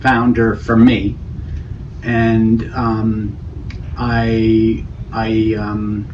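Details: Male speaker with non-fluent aphasia after a stroke, with word-finding difficulty but meaningful content; Broca's aphasia (non-fluent aphasia).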